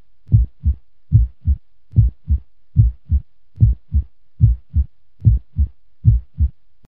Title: Heartbeat sound effect normal speed